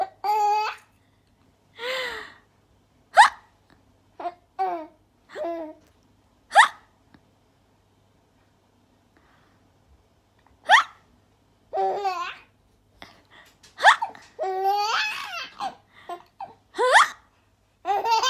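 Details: 4-month-old baby hiccuping: short, abrupt voiced catches every second or two, mixed with infant babbling.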